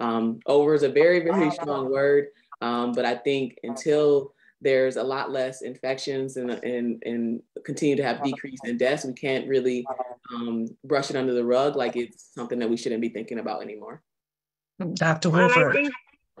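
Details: Adult male speaker; ordinary speech.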